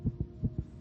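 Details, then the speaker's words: Fast, regular, two-part heartbeat of a young child at roughly 150 beats a minute. The racing heart is described as caused by distress at being told she must move foster homes again. "this is the sound of a racing heart it's beating a little faster because it belongs to a young child"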